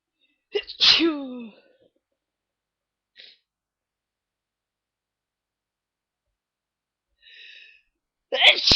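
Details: Early-morning sneezing fit: a voiced sneeze with a rising 'choo', a faint sniff, then a second sharp sneeze after a long quiet pause.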